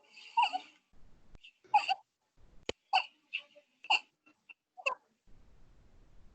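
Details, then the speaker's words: Infant with short, squeaky, high-pitched noises timed with inspiration, with retractions; inspiratory stridor, suspected laryngomalacia. "the inspiration you hear the Sun so you time on face of the respiration in this particular case this is probably a suspected Largo Malaysia just playing it once again for your benefit"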